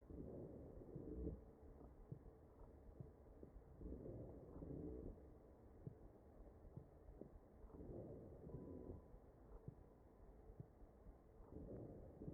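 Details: Wheezing in a mechanically ventilated patient, recorded through the chest.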